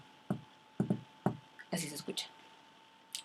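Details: Imitated heart sounds in a Spanish auscultation lesson showing an S4 gallop, the atrial contraction against a stiff ventricle: a soft extra beat falls just before the first heart sound.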